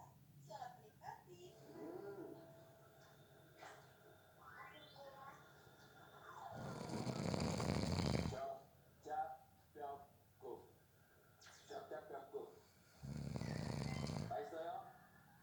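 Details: Snoring during a nap, person fell asleep within 30 seconds: two long loud rattling snores between quieter breaths, faint room sounds and background talk.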